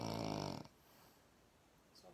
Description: she's snoring again